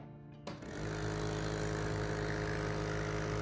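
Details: Omron C102 Total home nebulizer: compressor switches on and settles into a steady buzzing hum with rapid rattling pulse; nebulizer compressor running.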